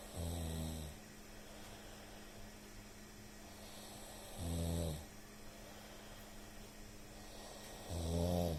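Loud, rough snores on the in-breath, about three in eight seconds, with a steady low hum between them; ordinary snoring.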